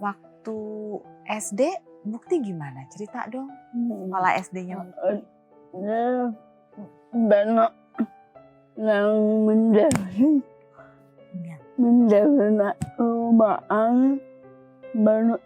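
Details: Dysarthria in a young woman with cerebral palsy from birth, with speech difficulty since childhood; she was once nearly unable to speak and improved after childhood practice with her grandfather.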